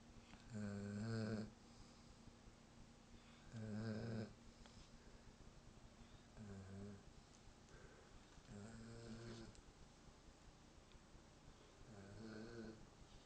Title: German shepherd snoring